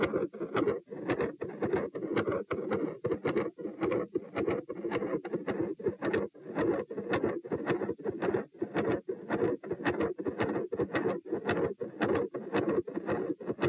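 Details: Heart sounds recorded at position P: rapid heartbeat with a gradually appearing continuous rumbling machinery murmur that builds, plus some electrical disturbance/crackle.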